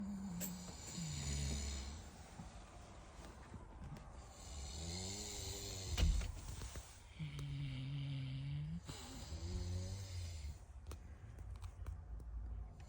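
Snorting, rattling snores from a sleeping flat-faced dog, with quieter breaths between; noisy snoring through a narrowed upper airway.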